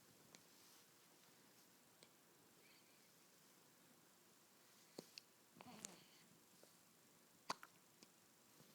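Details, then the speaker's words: Hiccups in a 2-day-old baby girl: faint, soft, abrupt little catches at irregular intervals over quiet room noise. "Poor little baby has the hiccups."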